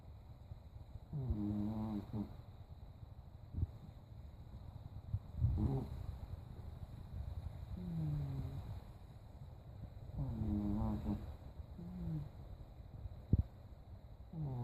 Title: my snoring cat Momo